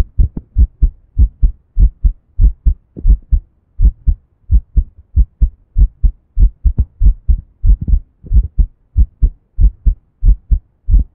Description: try to record my heartbeat for the first time